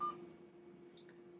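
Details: Infusion pump keypad beep while programming a pump for a secondary IV piggyback, at the new-patient prompt: one short electronic beep, then quiet room hum.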